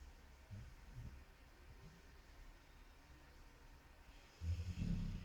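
Soft, low breathing noises, then a louder snorting snore near the end, over a quiet hiss; snoring.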